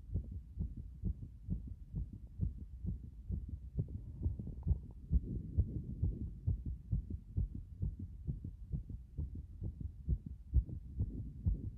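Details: Strong, rapid, thumping, pounding heartbeat at about 133 beats per minute, heard after getting out of a bath.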